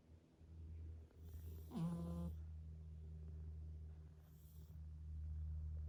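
A low, steady rumbling breath with one brief louder nasal buzz over a constant room hum: snoring from a sleeping cat.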